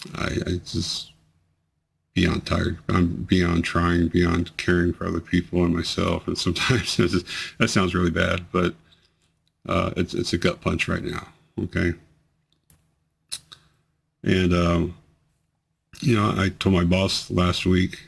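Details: Man with multiple system atrophy whose tremors are increasingly amplified and affect his voice; they don't stop and worsen with more activity and emotional stimulus; voice tremor.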